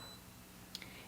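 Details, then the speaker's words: Quiet room hum with brief high electronic beeps from a Plum 360 infusion pump keypad as a rate of 25 is entered when programming a normal saline infusion. "Rate is highlighted, so I'm just going to do a small rate of 25."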